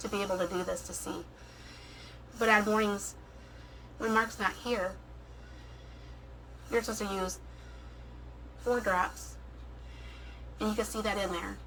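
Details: Adult woman with a tracheostomy speaking with her trach cap on (rather than a speaking valve); tracheostomy speech with capped tube.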